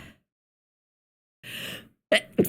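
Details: A sharp intake of breath, then a single explosive sneeze in a quiet room; an allergic sneeze.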